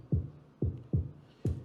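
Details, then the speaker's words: Heart sounds played in a premedical class: four low thumps in paired lub-dub rhythm, the two heart sounds made by the valves closing. "lo que están escuchando es cuando las válvulas se cierran vean"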